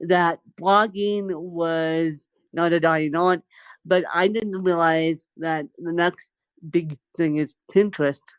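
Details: Woman born with cerebral palsy, speaking in conversation; dysarthria (cerebral palsy).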